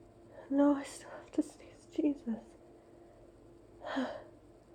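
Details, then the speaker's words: Allergy sneezing fit after opening windows on a hot summer day, with a nonstop nasal tickle for two minutes: several quick voiced sneezes with sharp inhaled catches, then one final sneeze. "Oh my god. I'm not done. I still have to sneeze. There's more."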